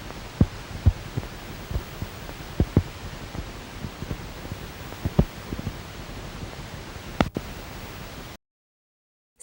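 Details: Needle EMG teaching recording of fasciculation potentials, spontaneous single motor unit firing seen in normal muscle or anterior horn cell disease, myelopathy, radiculopathy, demyelinating neuropathy: irregular, isolated pops and thumps over steady hiss.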